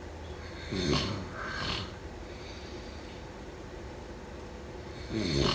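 Two rough, rattling snores close together, then a pause and a third, over steady room hiss.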